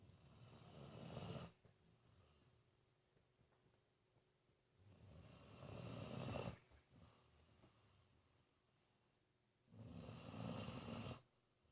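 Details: 19-year-old dog Benji sleeping with eyes wide open: three long, loud, rough snores on the in-breath, about 5 seconds apart, with quiet breathing between; snoring.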